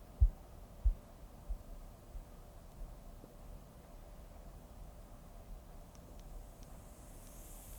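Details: Korotkoff sounds heard through a stethoscope during blood pressure cuff measurement: soft low taps that fade out within seconds.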